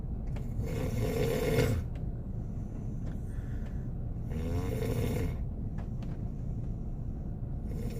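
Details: Korean boyfriend sleeping in a car on a snowy day, snoring: two long, rattling snores about three seconds apart over steady rain-like noise.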